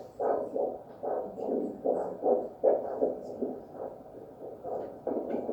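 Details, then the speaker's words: Handheld Doppler over the brachial artery with ultrasonic gel, patient rested in a quiet room before arm pressure measurement with a blood pressure cuff; normal triphasic pulse waveform signal. "having done that now I can listen for the signal with my handheld Doppler that's the nice thing about normal triphasic pulse waveform ordinary"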